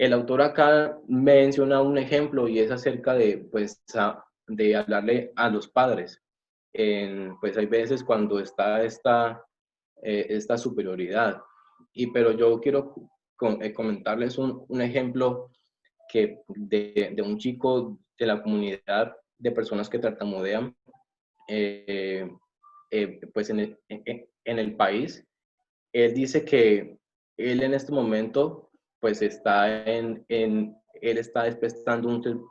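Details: Adult man who says he is a person who stutters, giving a Spanish-language presentation; stuttering.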